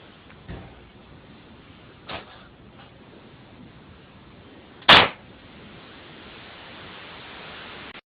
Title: Cat Sneezes Very funny!!